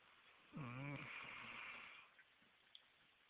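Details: One low, wavering, throaty snore trailing into a soft, breathy exhale; ordinary snoring during sleep.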